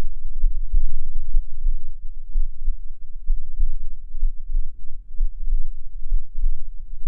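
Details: Adult heartbeat recorded with a binaural microphone, sound quality noted as poor: regular, paired low thumps at about 63 beats a minute over a muffled hum; normal heart sounds.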